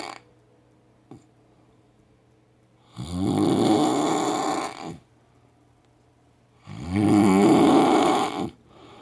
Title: Loud ass snoring OMG